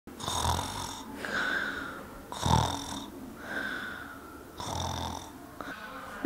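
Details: Acted (simulated) snoring in a children's short film made by 10–16-year-olds: loud, rattling snores alternating with whistling out-breaths, about three cycles in six seconds.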